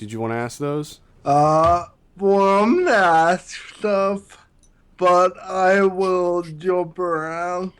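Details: Man with Friedreich's ataxia, a neurological disease affecting balance and coordination that also affects his speech; ataxic dysarthria.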